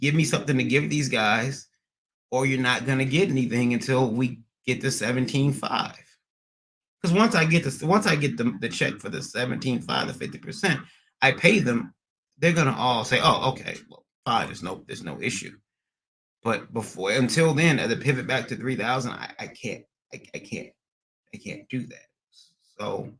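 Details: Adult man with stuttering after a recent transient ischemic attack; MRI and another scan showed a little damage; under a neurologist with physical, occupational and speech therapy; speech not fully recovered, still stutters occasionally almost a year later; acquired stuttering.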